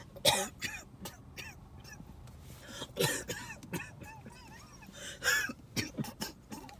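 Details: Coughing fit recorded during a car ride to the hospital ER: repeated harsh cough bursts and throat clearing in clusters with short gaps between.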